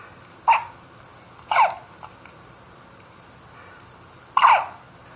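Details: Two babies with hiccups: three short, sharp, breathy bursts at irregular intervals against quiet room noise.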